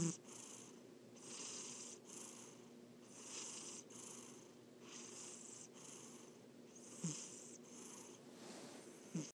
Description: My cat ALWAYS snores when she sleeps. I think it's so cute :)